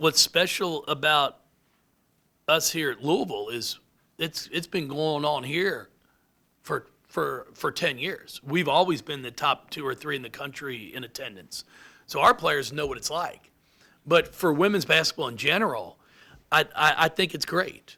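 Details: Adult man with lifelong stuttering, speech therapy from first to eighth grade, now much improved; he anticipates which words he will stutter on and substitutes them; stuttering.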